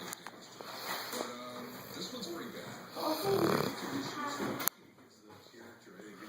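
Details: 8-month-old female English Mastiff snoring while napping on a couch against her owner: rough, snorting rumbles of a large dog's snoring, with a steady high-pitched hum behind that cuts out partway.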